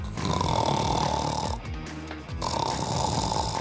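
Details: Loud, rattling snore with a brief quieter pause midway before the buzzing resumes, over faint background music; typical snoring.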